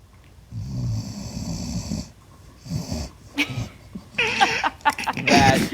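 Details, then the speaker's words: Sleeping pet dog: a low rumbling snore, then rustling and movement noises as it stirs: dog snoring. "SNORING DOG. "DOG SNORING LAUGHTER " WHILE UNDER THE SAFER AT HOME ORDER -- WE ALL HAVE MORE TIME WITH OUR PETS.."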